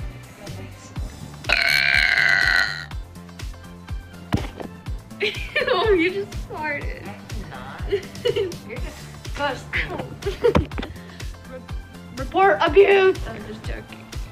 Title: BURPS!!!😂😄